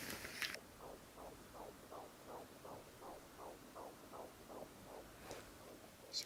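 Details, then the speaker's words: 14 weeks pregnant, home fetal Doppler: rapid, regular whooshing pulses about 155 beats a minute, normal fetal heartbeat; baby heard moving away from the probe. "nicht ob ihr es hören könnt aber ich habe den Herschlag gefunden und das ist so süß inzwischen und man hört auch richtig wenn das Bibi weghüpft"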